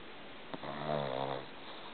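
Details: Sleeping shih-tzu snoring: a single soft, buzzing snore lasting under a second, with a faint whistle.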